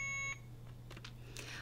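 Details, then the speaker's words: Alaris IV infusion pump air-in-line alarm during nurse training, with air bubbles in the tubing; a short high electronic beep, then quiet room noise. "if it doesn't you're gonna get another alarm air in the line"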